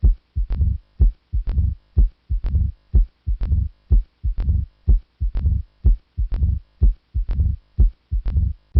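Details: Mitral stenosis murmur.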